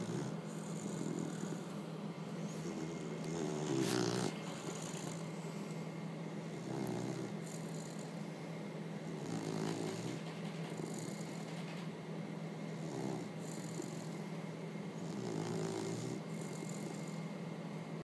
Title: Snoring puppy